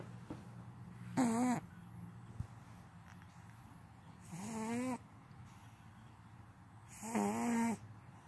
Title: All the snores